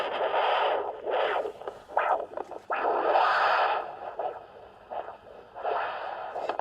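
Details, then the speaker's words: Handheld Doppler over the popliteal area with the patient standing, during evaluation for sclerotherapy: irregular whooshing flow surges with no backflow sound, almost certainly the popliteal vein, patent and competent without reflux. "that sound and is almost certainly the popliteal vein and that what let's telling us is that it's it's competent and it's patent"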